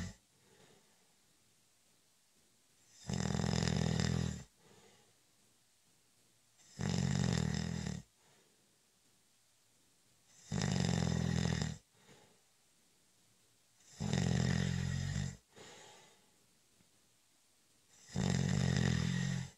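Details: Snoring during a short, light cat nap: loud, deep snores about every 3.5 seconds, five in all, with soft breathing and quiet room noise between them.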